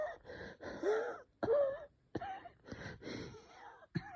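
Strained, effortful breaths with whistling, musical wheeze and brief cough-like bursts, fitting airway narrowing from bronchospasm.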